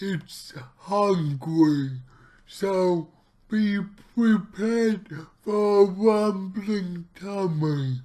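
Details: Male speaker with his own cerebral palsy, real not acted, about two weeks into trying a keto diet; dysarthric speech (cerebral palsy).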